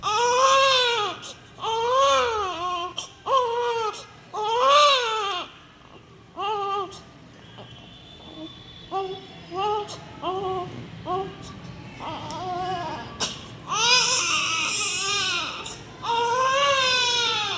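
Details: Newborn cry from a sound-effect recording: loud, rhythmic wailing cries in repeated bursts with brief pauses and whimpers; ordinary newborn cry.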